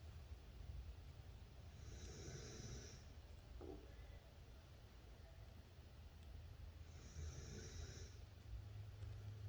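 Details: Sleeping baby boy snoring like an old man: two soft, breathy snoring breaths about five seconds apart over low room rumble.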